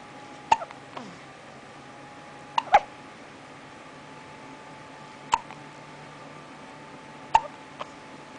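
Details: Baby with hiccups: sharp, brief hiccup sounds recurring irregularly, about five in eight seconds, over quiet room hum; hiccups.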